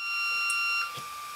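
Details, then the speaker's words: Steady high electronic tones, "Caution, about to shock, everyone move away," then a brief thump: corpuls3T defibrillator delivering a manual shock for a shockable rhythm in a simulated resuscitation synchronised with corpuls cpr. "Caution. About to shock. Everyone move away from the patient. Caution. Shock!"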